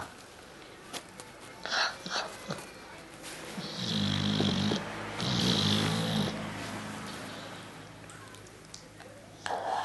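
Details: A Ca de Bou dog snoring in very deep sleep while its tongue is pulled: two drawn-out, rattling snores with soft breath sounds between, over room noise; snoring.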